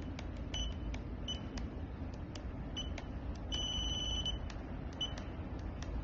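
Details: PC200 handheld patient monitor (measures NIBP, SpO2, temperature, ECG) operating: short electronic beeps and a few longer tones over steady room hum.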